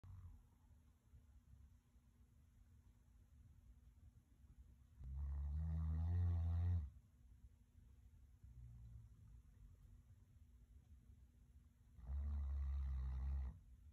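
Two deep, rumbling snores roughly seven seconds apart over a quiet room; a sleeping dog snoring.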